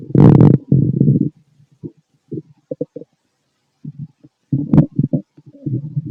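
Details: Male stomach noises while digesting food: irregular low gurgles and rumbles in bursts with quiet gaps, normal bowel sounds (borborygmi).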